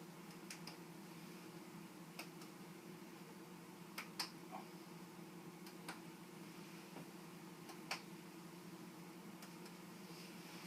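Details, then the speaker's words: A nurse taps with the fingers over the back of a consenting adult's chest during a respiratory assessment; the soft, irregular taps give a hollow, resonant percussion note, normal over air-filled lung. "when we perk us with resonance will hear normal lungs will have a resonant sound due to presence of air dullness or flat can indicate fluid or soft tissue so I'm just going to use fingers and tap okay"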